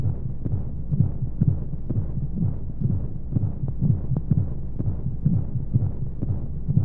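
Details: Simulated womb sound for baby sleep aid: muffled low rhythmic heartbeat thumps at roughly 125 a minute under steady whooshing flow noise and white noise; heartbeat.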